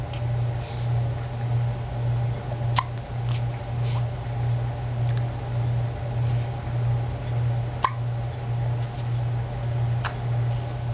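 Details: Hiccups: three sharp, abrupt hiccup sounds at uneven intervals over a steady low room hum.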